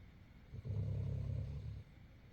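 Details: English Mastiff dog snoring loudly: one deep, rumbling, low-pitched snore lasting about a second over faint room noise.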